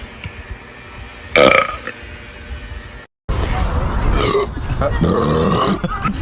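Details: Short belches and a longer drawn-out belch over background talk and music; burping from boys in a compilation.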